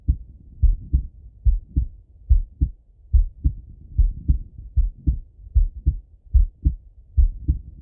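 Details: Male heart auscultated with a stethoscope: steady paired lub-dub beats at about 72 a minute, clear first and second sounds, no extra noises; normal heart sounds.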